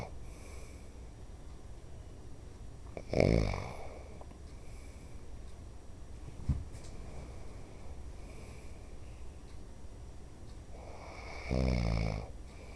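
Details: Father, who denies snoring, asleep: two loud, rough, low rattling snores about eight seconds apart, with a brief snort between, over steady room noise; snoring.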